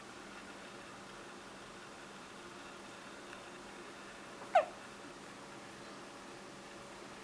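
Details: Child (Sean) hiccupping: a single short, sharp voiced hiccup breaks an otherwise quiet stretch.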